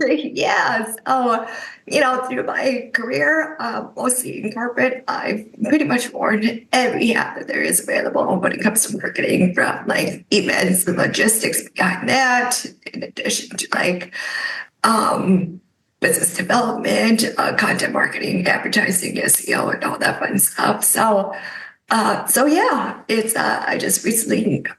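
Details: Adult woman with spasmodic dysphonia caused by neck trauma about 5 years ago, voiceless for about 2 years, treated with neck Botox injections that help but do not cure; spasmodic dysphonia.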